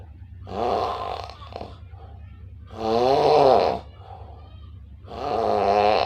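Loud, rough, rattling voiced breaths repeating about every two and a half seconds: snoring.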